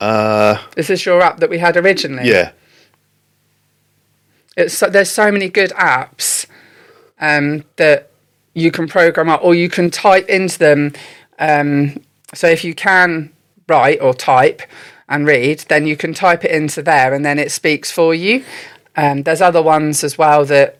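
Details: Adult speaker; no disorder.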